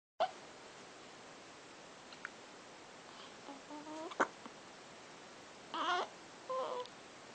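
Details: A few brief, sharp catches of breath among small whimpering sounds in a quiet room; hiccups.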